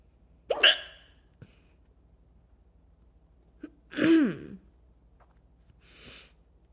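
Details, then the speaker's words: Hiccups around New Year after almost burping: a few sudden, sharp gulping sounds with quiet gaps between them. "Cheers to that. A couple hiccups. Bring in the new year."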